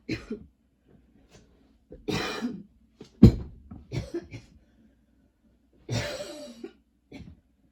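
Several harsh coughs and throat clears in a quiet room, coming in short bursts over several seconds; a persistent coughing spell.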